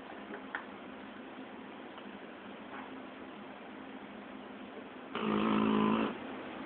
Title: My snoring dog :-)